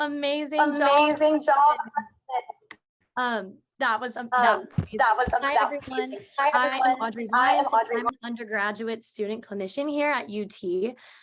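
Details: Adult woman speaking; normal speech.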